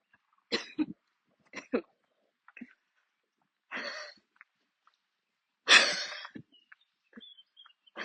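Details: Coughing fit while walking outdoors near the end of a walk, with lungs acting up: repeated harsh coughs in bursts, about six, with gasping breaths between.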